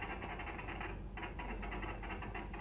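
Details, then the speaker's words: Fetal heart sounds on Doppler during a prenatal exam: rapid, regular galloping whooshes likened to horse hooves over a low hum, loudest over the fetal back. "Nah, kita lihat, kita dengarkan bahwa bunyi denyut jantung janin itu seperti tapal kuda, gerakan tapal kuda, gini."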